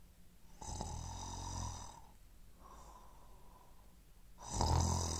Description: snoring sound effects in 11 variations: sleeping, snoring (male)